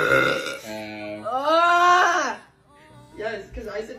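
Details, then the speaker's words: Female burping: a drawn-out voiced belch with rising and falling pitch, then a softer one, over faint music; she says each burp tastes of a different food she ate. "I know I keep burp every time I burp it's like a different food I've eaten today"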